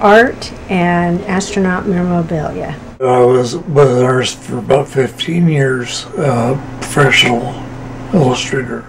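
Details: Adult man recorded in 2013 with Machado-Joseph disease, a hereditary cerebellar ataxia affecting fine motor movement; he uses a wheelchair, and later became bedridden and unintelligible; ataxic dysarthria.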